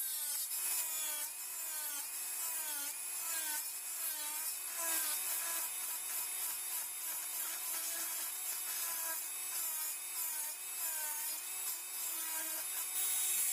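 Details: High-speed dental handpiece whining, pitch dipping as the bur reduces the distolingual cusp height after the mesiolingual cusp. This is occlusal biplanar reduction of a typodont mandibular first molar (#36) for a full veneer crown.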